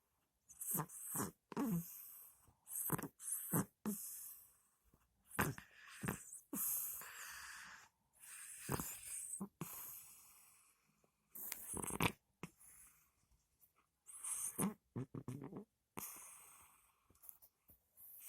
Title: Кот Храпунцель, Cat snores